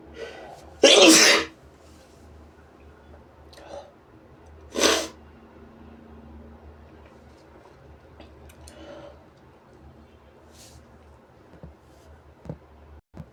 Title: Sneezes & Noseblows